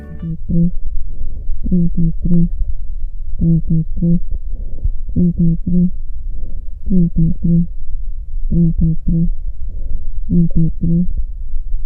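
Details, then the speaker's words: Speech heard through the chest wall comes through as muffled, low-pitched murmurs without clear vowels, because lung tissue filters out high tones: normal vocal resonance on chest auscultation. "Transmisión de la voz. Normal. El parénquima pulmonar actúa como un filtro selectivo en el que se pierden los tonos agudos de las vocales, escuchándose la palabra en un murmullo de baja tonalidad."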